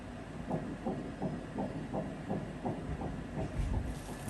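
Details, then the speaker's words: Rapid, regular whooshing pulses from an ultrasound monitor, at least 160 beats a minute, described as strong: a fetal heartbeat. "Oh, that's a strong heartbeat."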